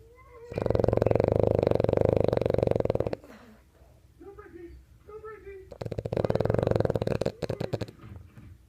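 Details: Sleeping French bulldog, apparently dreaming, gives two long, loud, rattling snores with soft whimpering between them: loud snoring.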